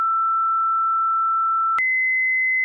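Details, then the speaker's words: Philips Efficia DFM100 manual defibrillation with external paddles on the patient's bare chest: after the energy is set, the paddle charge button is pressed, giving a steady electronic charging tone that steps up in pitch until the shock buttons flash to show it is charged. "set the therapy knob to the desired energy for the patient and applying the pedals to the patients bare chest then press the charge button on the paddle"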